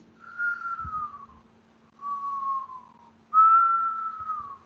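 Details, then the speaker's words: Veterinary pharmacology lecturer imitating a wheeze (sibilo): three steady whistled tones, like air forced through lips or narrowed airways in bronchoconstriction. "É o assobio, né? Quando a gente vai assobiar, o que a gente faz? A gente põe os lábios bem próximos para a passagem do ar ficar bem estreita, né? Então, isso é o sibilo, um assobio, né?"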